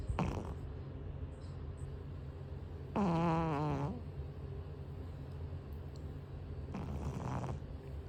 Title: #cat 🐈‍⬛ snoring like a person #cutecat 😘🥰#shortvideo #fallsleep #snoring sounds##fypシ゚viral